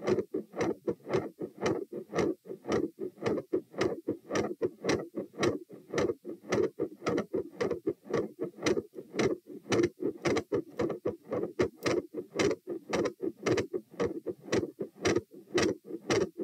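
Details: Stress-test auscultation at the tricuspid (T) position as the subject goes from lying to sitting, standing, knee bends, standing and lying, with rates of 84-120 bpm: loud regular beats near 110/min with changing intensity, split S2 and extra sounds.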